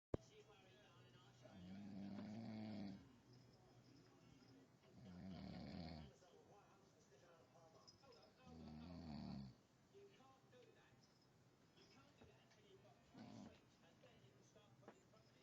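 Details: Three low, buzzing snores on breathing in, a few seconds apart, then softer breaths, with faint background noise at night; ordinary snoring.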